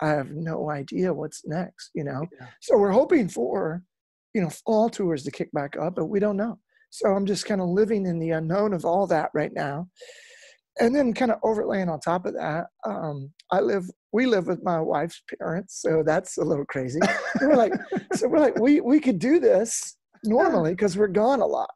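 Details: Adult male rock lead singer whose spasmodic dysphonia began at his career peak, first taken for hoarseness; incurable, doctors could not fix it, still audible today; spasmodic dysphonia.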